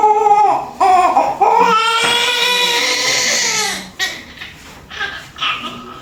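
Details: Post-mature newborn just after a normal vaginal delivery at 6:58, with loud, strong, high-pitched crying in repeated bursts and room voices fading in at the end; newborn cry.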